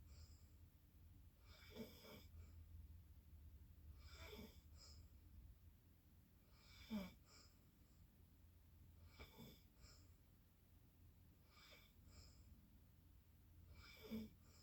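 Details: Soft, irregular noisy breaths during sleep, about 8 a minute, with low rumbling snores on some breaths against steady room hum.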